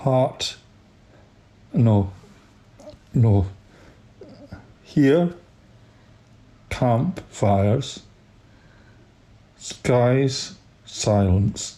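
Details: Adult man reading aloud; aphasia.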